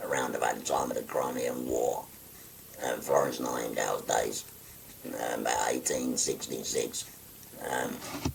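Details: 57-year-old man after total laryngectomy for stage four laryngeal cancer, speaking through a voice prosthesis by pressing a button to occlude the neck stoma; tracheoesophageal speech.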